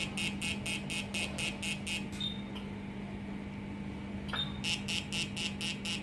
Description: Laser CO2 pour cicatrices d'acné